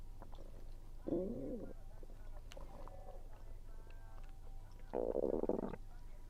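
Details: Stomach rumbling recorded while eating, which the recorder attributes to low atmospheric pressure. Gurgling, rumbling stretches with faint chewing noises between them: bowel sounds (borborygmi).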